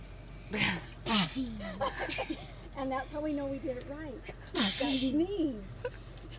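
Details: Two sharp sneezes in quick succession, then sighs, murmured talk and a third sneeze, from a girl during a Covid-19 nasal swab test; sneezes set off by the nasal swab.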